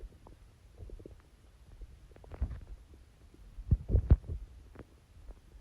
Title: Watery stomach growls￼